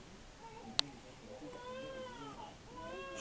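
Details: Baby sneezing: a single sharp infant sneeze followed by soft whimpering sounds.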